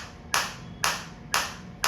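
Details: Focused (not radial) shockwave therapy platform for sports injury and post-surgical rehabilitation, demonstrated at adjustable depth level: sharp, crisp snapping clicks at a steady pace, about two a second, over a faint hum as the focused applicator fires.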